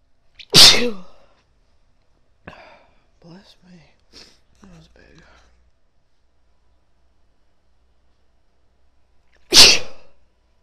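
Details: Two loud, explosive sneezes from a woman, with soft breathy sounds between them in a quiet room, during a run of repeated sneezes from a tickly nose; ordinary sneezing.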